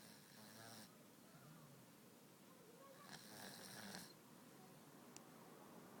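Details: Cat snoring in his sleep: soft, rough, rattling noises repeating with each sleep breath, low room noise; ordinary snoring.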